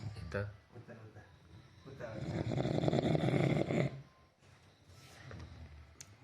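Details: A long, loud, rattling inspiratory snore from an adult sleeping at a rural election camp in Nepal, with quieter breaths around it in a small room; heavy snoring.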